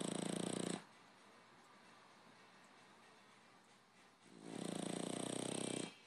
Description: My French Bulldog Applesauce snoring - he sleeps with his tongue sticking out